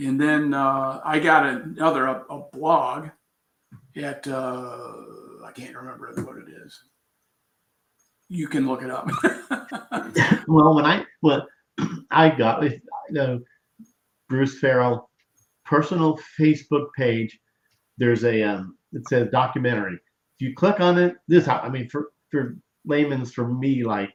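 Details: Adult man with aphasia after a traumatic brain injury from a bicycle accident about four years earlier, followed by coma; still recovering, with trouble finding words.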